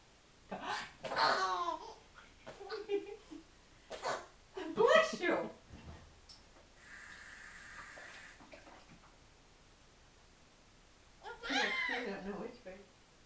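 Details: Infant imitating sneezes after an adult teaches him to fake sneeze: several short voiced bursts, with adults saying "bless you" and running water nearby. Finding: imitated sneeze.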